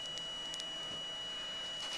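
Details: 7-year-old girl having an excessive labial frenum (muscle attachment between the front teeth) removed with a dental soft-tissue laser, without bleeding: steady high-pitched tone over a hissing background with faint chirps. Laser operating.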